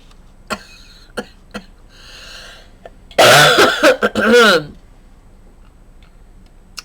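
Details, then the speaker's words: Adult crafter apologizing for voice and coughing: a quick run of several harsh coughs after a few faint clicks, in a quiet room. "I'm so sorry, friends. I'm so sorry for my voice and my coughing and all of the other things."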